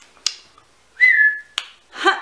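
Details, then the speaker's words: Adult with Tourette syndrome on a very tic-heavy day, which she links to cold weather: a sudden short whistle between sharp clicks, then a brief voiced sound; whistling vocal tic. "nother theory about why my ticks are worse at sometimes than others, I'm totally open to hearing it, but at this point it seems fairly conclusive to me that weather is at least involved somehow."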